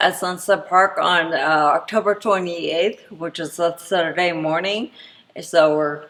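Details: Woman with spinocerebellar ataxia type 10 (SCA10), a degenerative cerebellar disease, who reports speech difficulty; ataxic dysarthria.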